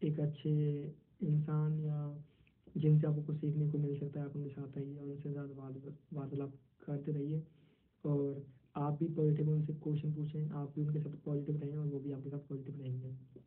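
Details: 22-year-old who stammers, a member of a stammering self-help association, answering interview questions in Hindi, with a part-word repetition; stuttering.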